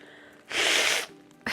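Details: Woman with a head cold and a runny, red, sore nose: a single loud, forceful sneeze in a small room.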